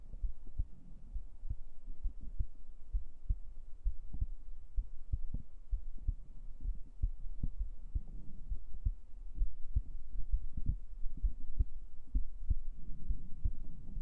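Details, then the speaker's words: Adult's real heartbeat picked up by a microphone placed on the chest: steady, regular low thumps. "yeah that's my real heartbeat I put it I put the mic on my chest"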